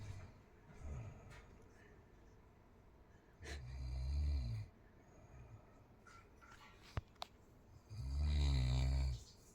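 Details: Two loud, low, rattling snores on inhalation a few seconds apart, with quiet breathing between; ordinary snoring attributed to a poor sleeping position.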